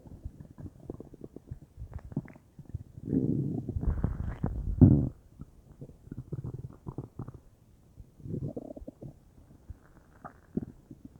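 Low gurgling, bubbling rumbles and crackly pops from the belly, ordinary bowel sounds as gas and fluid move.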